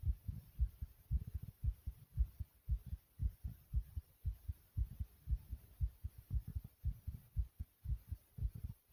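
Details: Brief recording of the person's own fast, pounding heartbeat: strong, regular low thumps at roughly 115 beats a minute.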